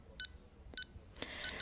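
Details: Short, high-pitched electronic beeps from a pulse oximeter with its sensor on a finger during a preventive-maintenance check, each beep marking a detected pulse: pulse oximeter pulse beeps.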